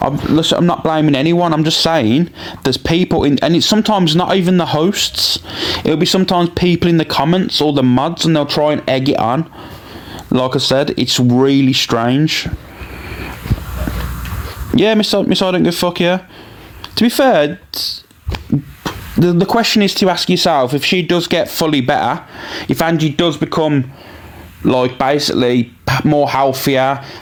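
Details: Adult male speaker, possibly with a second voice in conversation; ordinary speech.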